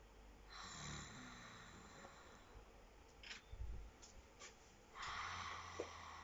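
Irregular snoring with grunting, snorting breaths and noisy airy exhalations, over faint room noise.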